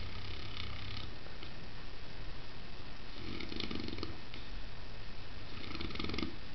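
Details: Low, rumbling breaths under steady room noise, two or three slow cycles with a soft flutter on each breath: a Saint Bernard dog snoring while sleeping on the stairs in winter.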